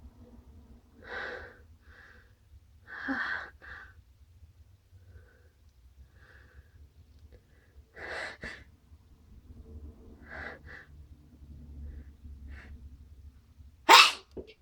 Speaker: I'm gonna sneeze. Phew. I'm gonna sneeze again.